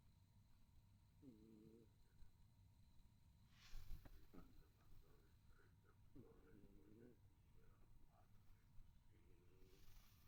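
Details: Cat snoring: low, rough, buzzing breath sounds recurring every few seconds over a dull background with a brief rustle.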